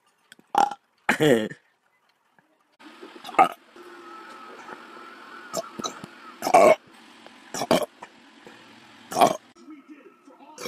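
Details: Series of short, sharp burps, high-pitched from sped-up (fast-motion) playback, over light background hum; ordinary belching.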